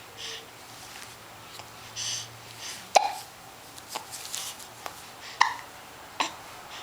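Several short, sharp hiccups at irregular intervals against faint room noise.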